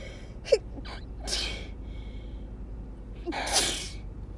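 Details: Sneezing from a person unsure whether it is allergies or a cold, also with a wet, barking cough and frequent nose blowing, trying to talk: quick in-breaths, then two explosive sneezes about two seconds apart with brief voiced sounds between.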